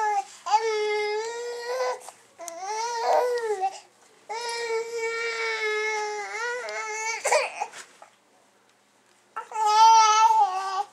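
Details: Long, sustained wailing cries with pauses for breath in a small room; a typical cry from an infant girl with new teeth.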